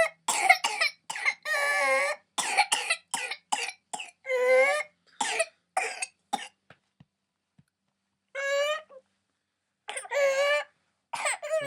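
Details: 22-month-old fully immunised girl with swab-confirmed pertussis: rapid run of harsh coughs broken by long, high-pitched inspiratory whoops; whooping cough.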